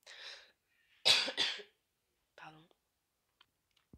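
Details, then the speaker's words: Two loud, harsh cough bursts in quick succession from an adult, then a short throat sound; an acute cough with no wheeze heard, which the person says sounds alarming. "Oh my god, c'est quoi cette toux? On dirait que je vais crever."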